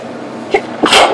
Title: Photic sneezes 2